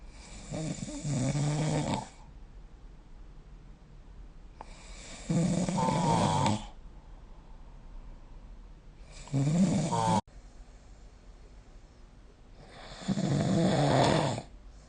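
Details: Snoring recorded with the SnoreLab app: four loud, rattling inspiratory snores about one every four seconds, with quiet breathing between.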